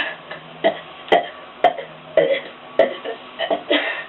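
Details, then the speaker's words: A male burps on purpose as fast as he can for one minute after a little water, aiming for 100 and reaching about 106, then feels lightheaded: a rapid string of short voiced burps, about two a second; repeated deliberate belching. "Alright, well, thanks for watching me get 100 burps in a minute."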